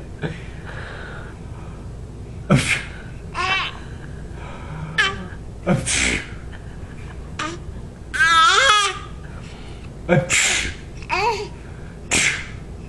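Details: Sneezing from a young child: several short, sharp sneeze bursts, each followed by giggling and babbling, in a small room.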